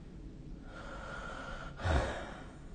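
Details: A single brief, low snorting breath against quiet room noise during sleep, recorded with the SnoreLab phone app; one snore.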